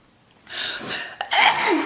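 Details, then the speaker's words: A young woman with allergies sneezes, then remarks that she always sneezes in videos. "why am I always sneezing in videos oh my"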